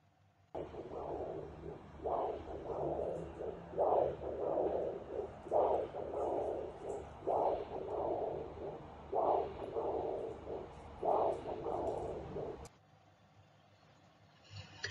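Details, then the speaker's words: Doppler probe placed near the neck of a sea turtle recovering from anaesthesia, intubated: rhythmic whooshing blood-flow pulses, slow at roughly 30–35 beats per minute, reflecting heart rate. "we can hear blood flow when the heart is compressing um it shoots blood and we can hear that so the sound that you will hear is not directly the heart beat but is actually the number of Beats that the heart is making"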